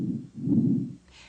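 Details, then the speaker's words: Normal bronchovesicular breath sounds heard by stethoscope between the scapulae during a thorax exam: soft, moderate-pitched rushing sounds with inspiration and expiration of equal length. "you should hear bronco vesicular sounds between the scapulae these sounds are moderate in pitch and amplitude with an inspiratory phase equal to the expiratory phase"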